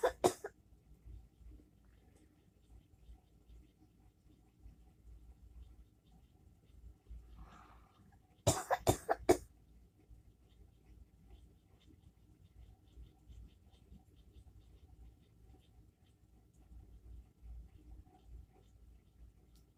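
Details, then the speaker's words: Person coughing at 5 a.m., thinks they are getting sick and calls it whooping cough: one short cough, then about four quick harsh coughs in a quiet room; no whoop follows. "I found out nothing happened. Who's coughing at 5 o'clock in the morning?"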